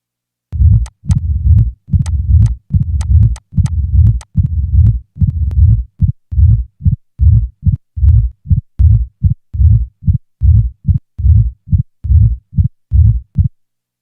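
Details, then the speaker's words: Simulated mitral stenosis: a loud first sound, then a low diastolic rumble with presystolic accentuation building just before each first sound, and an added opening snap heard as sharp early diastolic clicks. "now a pre-systolic accentuation is added followed by an addition of an opening snap"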